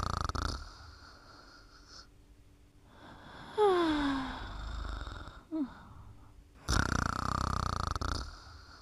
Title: Mimi Sleeping & Snoring Part 6